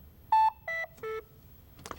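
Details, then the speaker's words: LIFEPAK CR Plus automated external defibrillator switched off during routine inspection by holding the power button: three short descending electronic beeps, the power-off tone. "Now turn the device off. Hold this button for a few seconds until you"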